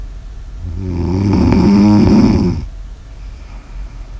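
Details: Snoring ASMR audio recording: a single loud, low, rattling snore on the in-breath, lasting about two seconds, then fading to quiet room noise.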